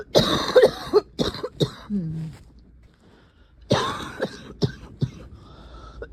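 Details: Two clusters of harsh, barking coughs with a slightly crackly, loose edge, separated by a quiet pause with a brief throaty sound; barking cough, described as only slightly wet.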